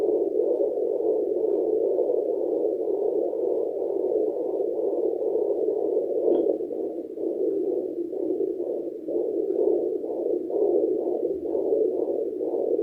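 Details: Fast, regular whooshing pulses at roughly 140 beats a minute, heard through a home fetal Doppler at 34 weeks of pregnancy, body lotion used instead of gel, after a large meal: fetal heartbeat.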